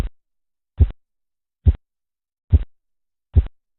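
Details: Four soft, low tapping thumps at about 70 a minute, Korotkoff sounds heard while measuring blood pressure.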